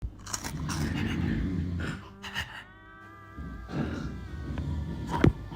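Low, rough rumbling breaths from a sleeping cat, with brief music in the background; snoring.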